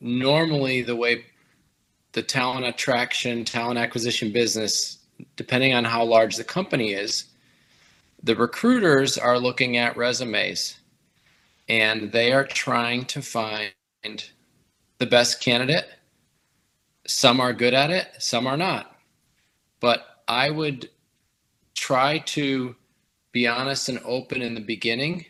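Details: Adult male speaker; typical speech.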